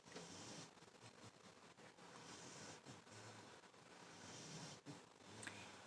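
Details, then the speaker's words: Sleeping puppy snoring loudly with soft, rhythmic snores about every two seconds over a low room hiss. "You will hear the puppy in here. She is snoring up a storm."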